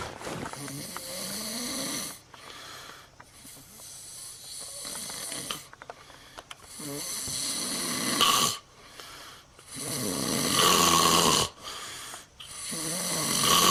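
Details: Heavy snoring in a person: loud, harsh, rattling snores in long bursts with short gaps, some with a whistling edge.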